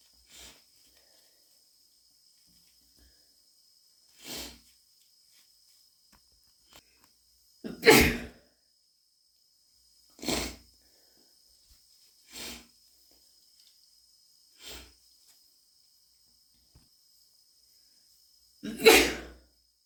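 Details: Two loud, forceful sneezes among several short sniffles from a person with cat allergy; allergic sneezing and sniffling.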